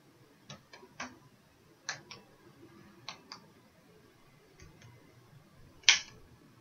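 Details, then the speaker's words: Chest percussion during a physical exam: series of short tapping strikes, each note resonant with no dullness or hyperresonance, breathing normal in rate, rhythm and depth; normal chest percussion note. "okay, and here I'm listening for any hyperresonance or resonance. I don't hear any, but if I did, that would be indicative of fluid or air where it should not be."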